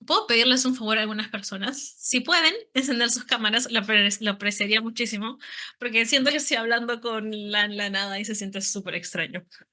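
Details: Stuttering in a woman who stutters, a speech-language therapist and psychologist, speaking Spanish in a presentation.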